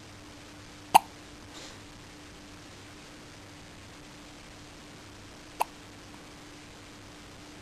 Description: her first hiccups., 3 days old